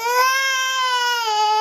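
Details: Infant nephew crying after being startled by an adult's loud sneeze: a single sustained, high-pitched, steady, tonal wail lasting over a second.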